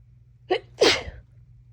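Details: One forceful, wet-sounding sneeze after a short intake catch, over low room hum, from someone with a cold who is very congested.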